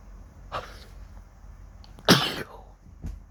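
A quick inward breath, then one loud, sharp sneeze with a brief exhale after it; an ordinary morning sneeze from an itchy nose.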